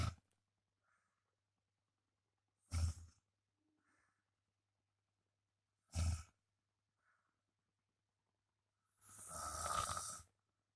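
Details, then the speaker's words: Adult man sleeping in a darkened room: loud, rough, low-pitched snores recurring about every three seconds, roughly 18 a minute, with a longer noisy breath at the end: snoring. "Bukan terlihat ya, maksudnya terdengar suara ngorok alias mendengkur."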